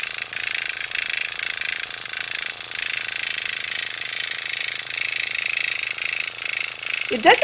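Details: Motorized microneedling pen (dermapen) used on the face of a woman over 50, starting on the forehead with small circular motions, causing redness without pinpoint bleeding: steady high buzzing whir varying as it moves over skin.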